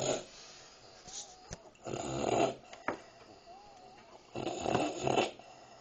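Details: Dog snoring: loud, rattling snores, two big breaths with a faint whistle between; snoring.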